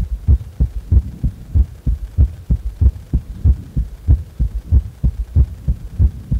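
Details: Heart sounds recorded lying supine at rest: regular low heartbeat thumps at about 94 beats a minute; normal heart sounds.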